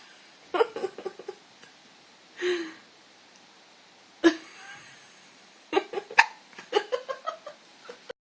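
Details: Young animal aged 5.5 months: short, sharp, abrupt gulping sounds in irregular clusters, some with a faint squeak, ordinary hiccups.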